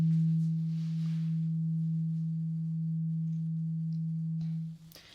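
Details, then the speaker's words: Simulated ASMR ear exam roleplay for clogged-feeling ears, demonstration before eyes-closed test: struck tuning fork gives a steady low pure hum fading and stopping after about five seconds; tuning fork hearing test tone. "So I have a tuning fork here. When I hit this, it makes a sound. It sounds like this."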